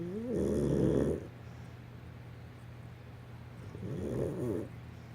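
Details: Beastie snoring in sleep: two rattling, rumbling snores about three and a half seconds apart, roughly 16 breaths a minute.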